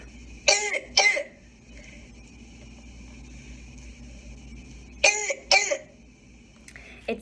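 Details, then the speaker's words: Child's cough recorded during assessment of a child with croup who also had inspiratory stridor on lung auscultation: two pairs of harsh, barking, seal-like coughs typical of croup. "kind of like a barking or almost like a seal like you know um so that is a very distinct sound that just when you hear it in another child you're gonna easily be able to identify crew okay"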